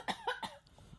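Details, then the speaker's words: An adult woman gives three sharp, forceful cough bursts in quick succession, a reflex cough after drinking water that went down the wrong way into her lungs. "She literally was just drinking water."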